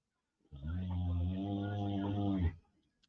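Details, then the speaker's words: A single steady, low, rough droning snore about two seconds long from a woman in a quiet room, during a break in a court hearing. "she's over there snoring down, y'all. I know you can hear her."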